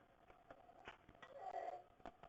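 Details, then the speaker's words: Sleeping child with croup: harsh, high-pitched whistling on each breath in, inspiratory stridor from a narrowed upper airway. "so this is inspiratory Strider so this is a kid with croo who's sleeping and you can hear the difference that Strider"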